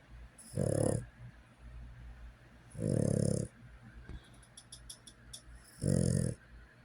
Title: Softly snoring